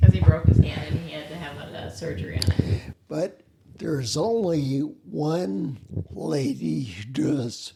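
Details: Adult speaker; speech.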